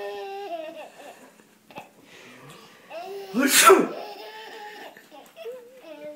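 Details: A father's single loud, explosive sneeze midway, surrounded by a child's sing-song voice and giggles as the child laughs at the sneezes, with faint music in the room.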